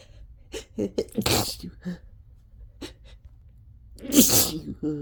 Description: I sneezed once and then couldn't help but induce myself into a fit of sneezes